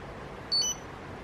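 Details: A single short high beep over quiet room noise as a test strip goes into an Arkray Glucocard S blood glucose meter.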